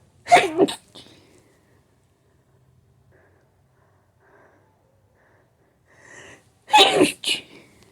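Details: Hay fever sneeze attack with build-ups after smelling a flower that triggered intense allergy; a loud sneeze, quiet breathy build-up, then a second sneeze with a short follow-on burst.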